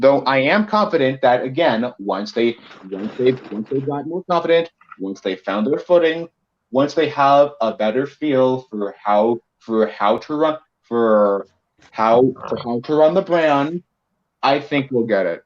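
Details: Male podcast co-host who says he has a bit of a speech impediment that may sound like rambling, type unspecified; speech impediment (disfluency).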